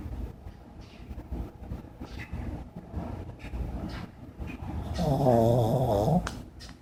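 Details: Chihuahua (loaner pet) on a lazy afternoon with a dryer running in the background: soft snuffling breaths, then one louder rattling snore near the end; snoring.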